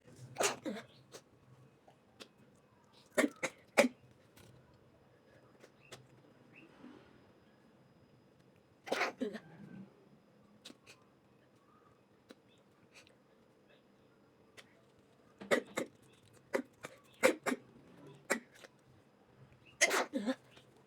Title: Sneezing girl while about to take selfie, struggle with her nose. She's about to catch a cold.